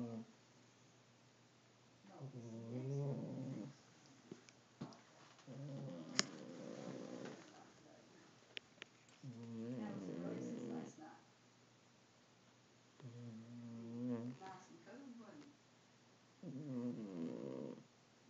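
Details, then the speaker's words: Rhythmic rattling snores, about 17 a minute with quiet pauses, from a cat sound asleep in a bathroom sink; ordinary snoring. "this's my grandmother's cat sound asleep and think snoring listen"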